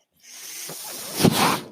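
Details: Man's own mechanical ventilator breath cycle, heard in the background while he records a podcast.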